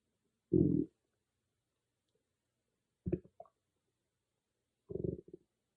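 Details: Stomach growling recorded on an iPhone without an external microphone: three short, low gurgling rumbles separated by silence, ordinary bowel sounds (borborygmi).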